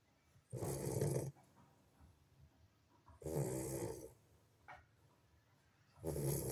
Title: Sleeping _ snoring puppy lagotto after extensive play time with his siblings. 💕